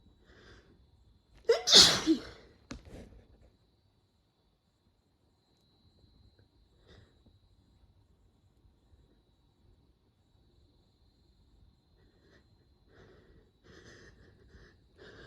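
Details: One loud, explosive sneeze with a sharp intake before it, then faint breathing and quiet room sounds: a hay fever sneeze after cutting the grass, with hay fever described as excessive this month.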